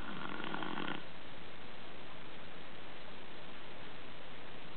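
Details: Soft, rapid, low rumbling breaths from a Chihuahua sleeping after tiring itself out playing; snoring.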